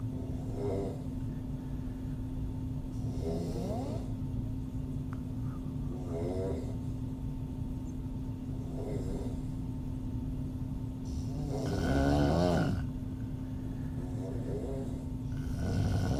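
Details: Adult female snoring with mouth open, audio only: rough, fluttering snores with each breath, about 20 a minute, over a steady low hum of room noise.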